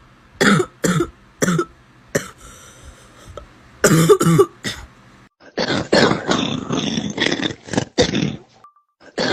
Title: Coughing up a lung